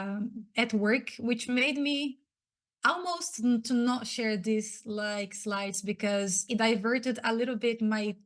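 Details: Stuttering in an adult woman who identifies as a person who stutters; she was especially impacted as a child and teenager.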